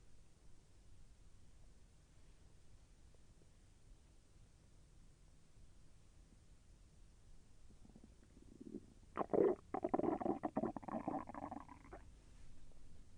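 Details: Bowel sounds during digestion; the person felt the intestine move and it was a little painful: a quiet stretch, then a few seconds of gurgling, rumbling stomach growling.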